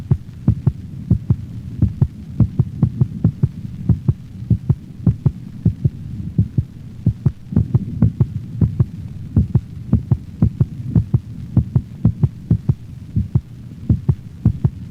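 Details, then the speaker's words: Normal canine heart sounds recorded over the mitral valve location in another normal dog: regular paired sounds, the second shorter and higher-frequency than the first. "the second heart sound is shorter and of higher frequency than the first sound it is best heard over the pulmonic valve"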